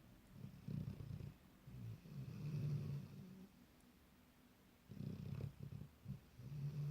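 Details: Snoring in a sleeping 10-month-old Labrador puppy: low rumbling snores in repeated bursts with quiet pauses between them.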